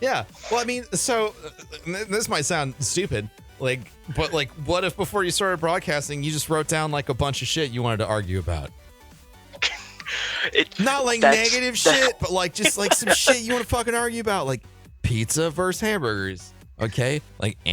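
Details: Adult male speaker; no speech disorder.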